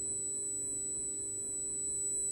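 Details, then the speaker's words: Simulated tinnitus: a steady, unpleasant high-pitched whistle over faint low room noise, showing how cicada song sounds to some tinnitus patients. "sifflement désagréable appelé aussi acouphènes 8 millions de Français doivent vivre avec"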